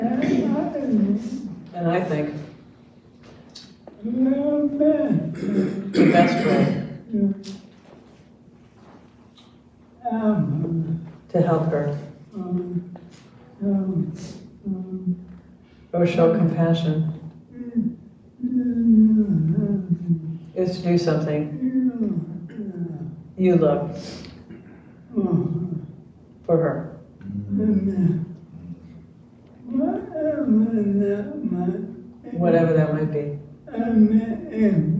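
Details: Retired male pediatrician with ALS diagnosed in late 2021; speech changed over the past two years; jaw trembling is neurologic clonus; his wife interprets his speech; dysarthria due to ALS.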